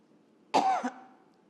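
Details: Cough from a political leader whose voice turned hoarse after shouting during a party anniversary speech: a single harsh, raspy cough with a brief voiced catch.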